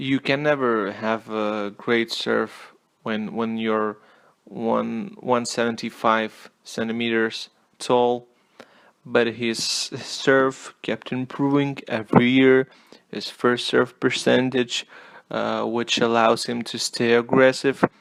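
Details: Stuttering, self-reported, in an adult male non-native English speaker; word repetitions in this stretch.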